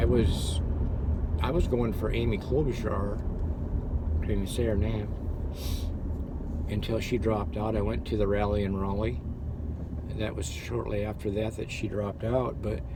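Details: Adult man who had severe stuttering that still crops up, with word repetitions; stuttering.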